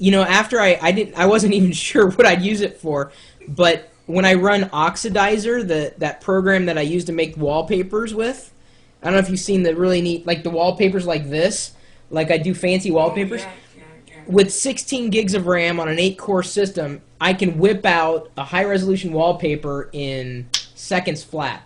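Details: Adult male speaker; ordinary speech.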